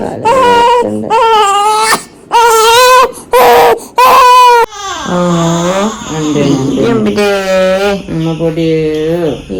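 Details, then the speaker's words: Six-week-old baby at first vaccination: loud, high-pitched, strained crying in repeated bursts with gasps between, a pain cry after the injections; afterwards too sore to breastfeed. "ഓ ബേബിക്ക് വേദനിച്ചു കാരണം ഉമ്മക്ക് വേദനിച്ചുണ്ടോ"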